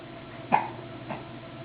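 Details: A person with hiccups: two short, abrupt gulping sounds about half a second apart in a quiet room.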